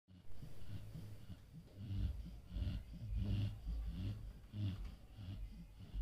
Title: #03 Casper ¦ Snoring is good.